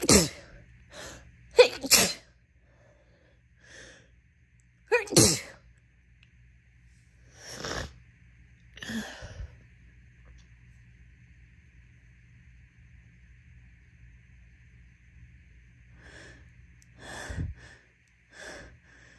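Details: Induced sneezing from an itchy nose: repeated sharp, wet, messy sneezes in clusters with sniffing and quiet breaths between.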